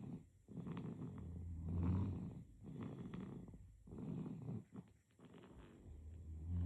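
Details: Baby with repeated low rattling snores on breathing, about five in under seven seconds, with soft pauses between; ordinary infant snoring.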